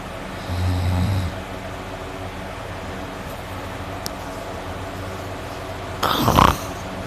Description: a video of me sleeping at night I was snoring a lot, and I was drooling my snores are so deep and hard but I didn't hear myself snore, until I watched this it kinda embarrasses me but it's funny!!!